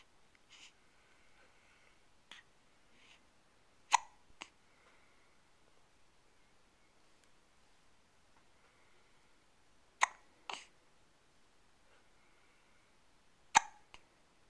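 Sharp, brief gulping clicks recur about every few seconds in a quiet room, the typical sound of hiccups.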